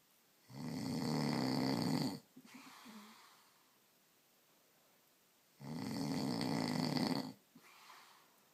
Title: Snoring husband